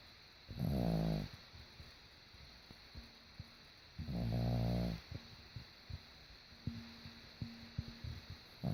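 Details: A sleeping dog snoring: two long, deep, rattling snores about four seconds apart, with soft clicks and snuffles between them.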